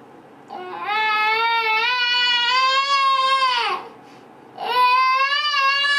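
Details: Sleeping female, completely asleep with eyes closed and head on mattress, a long-standing habit that sometimes wakes her: long, high-pitched, sustained moans drawn out on the out-breath with brief pauses, sleep moaning (catathrenia).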